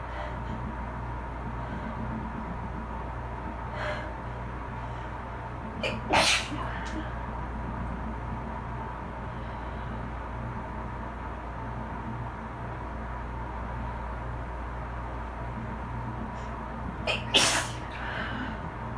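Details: Two separate sharp sneezes from a person sitting in a bath after cleaning with bleach, to which they are allergic, over a steady hum of dryer and A/C with quiet room sounds between: sneezing.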